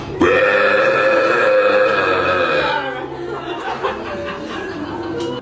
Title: Ranking Best Burps #shorts #ranking